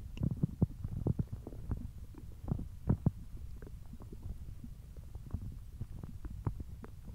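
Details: Hungry belly noises: low gurgling and rumbling with scattered pops and bubbling from an empty stomach; ordinary hunger growling (borborygmi).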